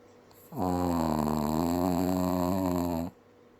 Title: Very loud snores from teeny tiny dog!